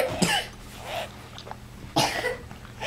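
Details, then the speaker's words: A 6-month-old boy, sick for a month and diagnosed with pneumonia or bronchiolitis, with noisy wheezy breathing, coughs twice in short, harsh bursts; the coughing makes him gag and sometimes vomit. "he coughs and gags on the shelf it makes him so vomit maybe we should do his breathing treatments"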